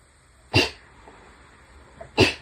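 Two sharp, explosive bursts about 1.7 seconds apart in a quiet room; repeated sneezing.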